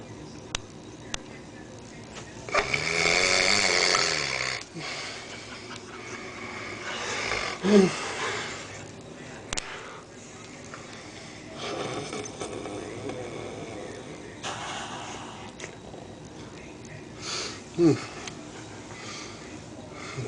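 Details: Large man sleeping: a loud rough snore at the start, then quieter irregular breathing with a few snorts in a room; snoring.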